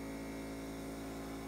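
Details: Nebulizer compressor running with a steady, loud motor hum and constant buzzing tone during a few-minute sinus-clearing treatment for an African Grey parrot with sinus and fungal infection, calm and eating a peanut.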